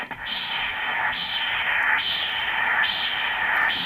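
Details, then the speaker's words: Normal left uterine artery pulsed Doppler signal at 24 weeks of a live intrauterine pregnancy, gate about 1 cm below the iliac crossover. Rhythmic swishing "seashell" whoosh with each pulse, about 70 a minute. "you can hear that the Neutron oil tree waveform has this beautiful distinct noise I call it the seashell noise so it's a shh"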